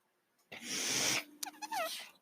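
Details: Mechanical ventilator sound heard during a spoken podcast; the podcaster identifies the noise as a ventilator.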